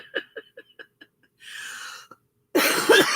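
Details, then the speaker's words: Adult woman, never a smoker, with a phlegmy chest: a run of about six short, rough, loose coughs and a throat clear, followed by speech; wet cough. "I sound like I sound like a long-time smoker, and I've never smoked in my life."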